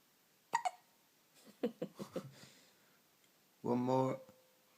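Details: Baby with hiccups: several short, abrupt hiccup sounds in quick succession, then a brief whimpering vocal sound.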